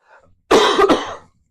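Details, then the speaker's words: Adult coughing during a live Q&A stream, with the microphone placed lower on the body: one loud, harsh cough with a quick second burst inside it, fading after about a second in a quiet room. "On the sound, I have the microphone farther down on me because you're going to hear me coughing and I don't want to cough directly into the microphone."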